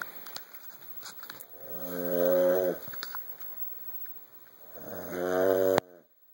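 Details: Dad snoring while asleep on the couch: two long, low, buzzing tonal breaths several seconds apart, rising and fading, with room noise; snoring.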